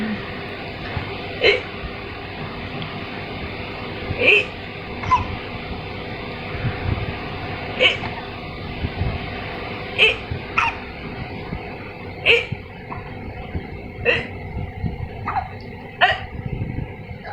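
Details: Baby with hiccups still playing: repeated short, sharp catches in the breath about every two seconds over room noise; infant hiccups.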